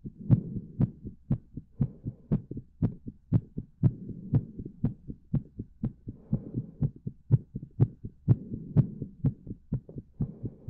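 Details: Quick, fairly regular low heartbeat thumps, about 120 a minute, over a faint steady hum; heartbeat.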